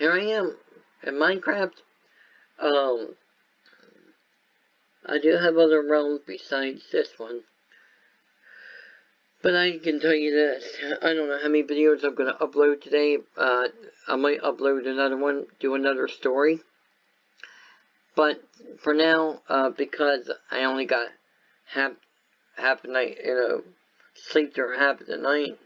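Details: Speech impairment in an adult man caused by viral meningitis with a very high fever at about six weeks old, which also affected his walking, eyesight and hearing.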